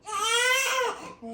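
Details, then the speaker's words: Two-week-old baby girl crying while her bottle heats: a single loud, high-pitched wail rising then trailing off; ordinary hunger cry. "but she was screaming bloody murder you were screaming but you're okay now"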